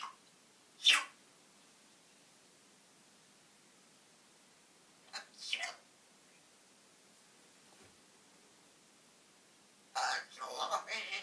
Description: African grey singing and sneezing.